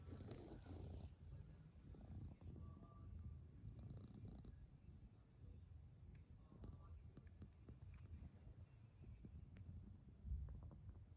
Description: My cat (fizzy)snoring so loud in her sleep!